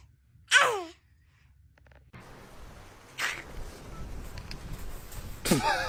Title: Newborn sneezing 🤧 #howtomakeasockdoll #baby #cuteanimal #cutebaby #babyyumyum #funny #cute #cutepet